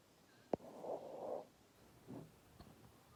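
A sharp, abrupt catch of breath, then a brief voiced sound and a fainter second catch: hiccups.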